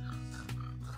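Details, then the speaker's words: Snorting/snoring from a short-nosed dog (breeds such as English or French bulldog, pug, Boston terrier) due to brachycephalic syndrome: soft tissue obstructing the airway; brief snort over music. "make this sign because the soft tissues inside their airway are getting caught and their airway is becoming obstructed these may sound cute when they're young and these dogs usually compensate pretty well when they're young"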